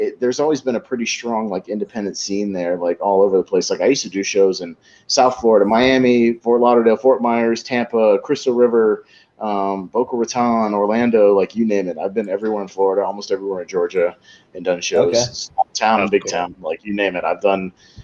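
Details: Adult male speaker; typical speech.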